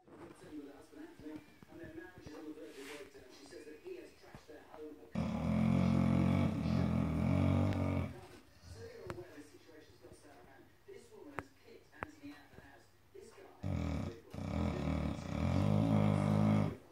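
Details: Long, loud, low rumbling snores lasting several seconds each, separated by quieter stretches with faint room noise: snoring.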